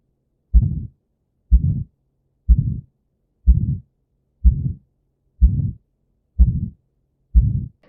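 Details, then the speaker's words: Aortic stenosis murmur, which radiates toward the carotids: regular heart sounds at about 62 per minute, each followed by a rough murmur filling systole. "तो जो आपका as का sound होता है वह कहां radiate करता है? कैरोटिड की तरफ करता है।"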